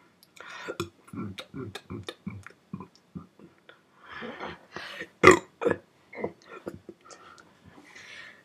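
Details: Person belching at about 5 a.m., burping for the first time in a while: a run of short, voiced gulping burps from the throat with a louder one near the end, in a quiet room.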